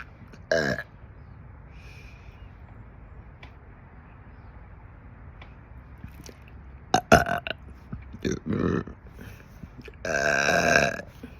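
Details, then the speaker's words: Repeated loud, gurgling belches from the throat over several seconds, the last long and drawn out, in someone who says they are constantly gassy, possibly over 50 (#over50): burping. "uh, You hear that one from my throat? I'm so gassy all the time."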